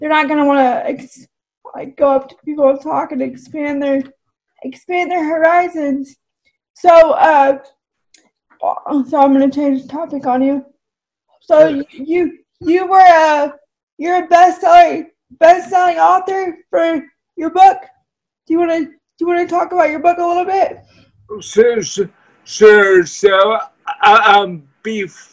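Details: Woman with cerebral palsy who says her speech is clearly affected by the condition; dysarthria (cerebral palsy).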